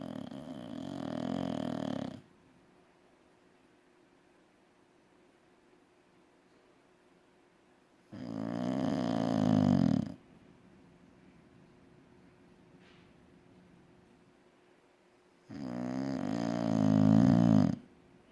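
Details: Peaches snoring: three long, buzzing, low snores roughly every seven to eight seconds, silent in between; steady rhythmic snoring in a quiet room.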